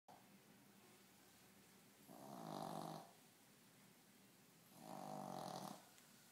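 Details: Shih Tzu dog with a cervical disc problem snoring during sleep: two slow rattling snores about three seconds apart, each nearly a second long, over quiet room noise.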